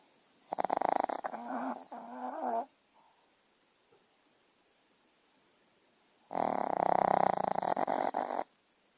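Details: Sleeping puppy snoring: two rattling, fluttering snore breaths several seconds apart with silence between.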